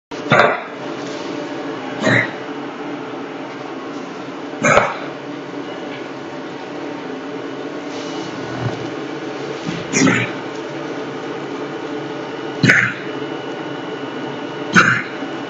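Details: Female rescue dog with a lingering, not fully treated cough picked up at a private foster home in Moscow and now under treatment; she recently began sinking on her hind legs. Six short harsh coughs over steady room hum.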